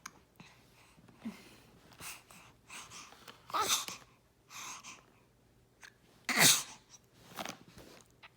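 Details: Baby sneezing: a run of small, airy puffs and two sharper sneezes, about three sneezes in eight seconds; sneezing.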